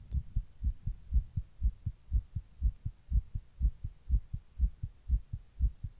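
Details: Own heart recorded while sitting in 100-degree heat during a heatwave: steady, regular low double thumps at about 120 beats a minute, tachycardia.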